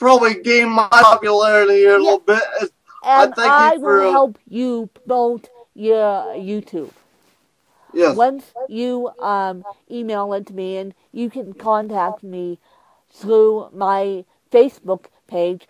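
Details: Woman with cerebral palsy who uses a walker, describing her speech impairment as milder than her interviewer's; mild dysarthria.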